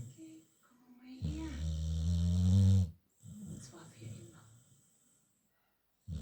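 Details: American Staffordshire terrier (Amstaff) dog snoring with her eyes open: a loud, drawn-out rumbling snore followed by softer snuffling breaths.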